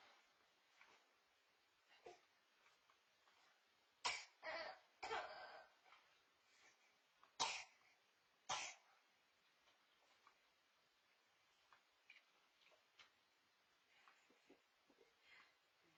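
About five sharp coughs, a quick cluster of three followed by two single coughs, in a quiet room.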